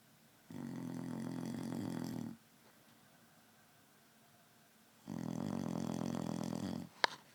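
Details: Male friend snoring loudly in sleep: two long, buzzing, rattling snores about four seconds apart with quiet between; regular snoring.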